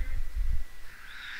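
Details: Young girl, nine when work began, with a severe motor speech disorder for whom voluntary voice initiation is hardest; giggles and attempts to get air out; effortful vocalization attempt in severe motor speech disorder.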